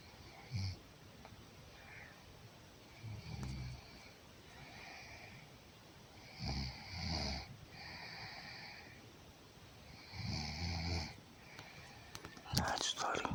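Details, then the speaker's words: Rough, rattling snores on in-breaths, one every three to four seconds, over quiet room noise, from a sleeping woman; the third of several snore types she makes in one night; loud habitual snoring. "In one night, she snores 3 different snores, sometimes 5. This is number 3."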